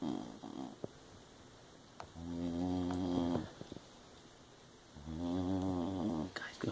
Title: The snoring hound